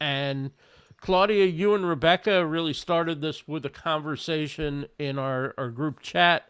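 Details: Adult male speaker; normal voice.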